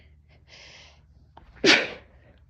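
A quick breath in, then one sharp, explosive burst of air through the nose and mouth. A single sneeze.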